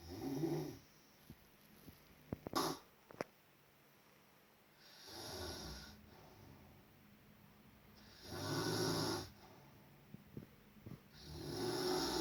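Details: Loud, rough snores at irregular intervals, about three in twelve seconds, with a few soft clicks between them; ordinary snoring during sleep.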